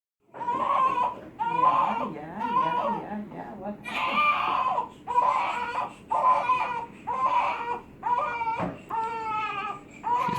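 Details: Baby (Emma) being burped cries in repeated rhythmic wails about one per second with short breaths between; ordinary infant crying.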